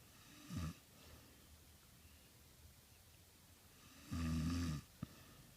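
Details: Woman asleep and snoring: two low, rattling snores on breathing in, separated by a few seconds of quiet breathing. Ordinary snoring.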